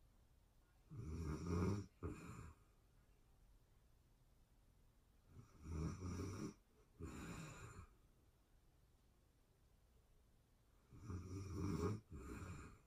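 Rough, rattling snores on each breath in, each followed by a short breath out, about 12 breaths a minute in a quiet room.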